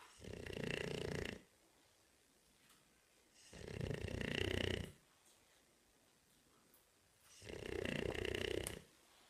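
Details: Bulldog: three loud, rough rattling snores about every 3.5 seconds with quiet pauses between; steady snoring at roughly 17 breaths a minute.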